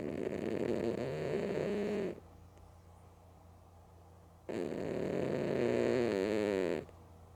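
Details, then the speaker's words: Two long, loud, rattling snores with a quiet gap between, from a sleeping female cat sleeping with her eyes open; harmless snoring. "Aw You good girl You were snorin so loud You tired?"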